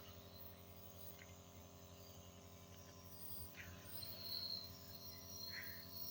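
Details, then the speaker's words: Baby receiving nebulizer treatment: a steady low compressor motor hum with a faint airy hiss. "देखिए, देखो कैसे बच्चा जो है नेबुलाइज़ कर रहा है, ठीक है?"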